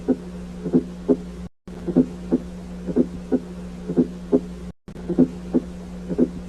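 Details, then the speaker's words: Fourth heart sound (S4 gallop): a soft, low-intensity late diastolic sound just before S1, regular rhythm near 60/min. It comes from atrial contraction filling a ventricle with reduced compliance and is absent in atrial fibrillation. "S4 é uma bolha diastólica tardia que corresponde ao enchimento ventricular tardio por meio da contração atrial Ativa é um som de baixa intensidade"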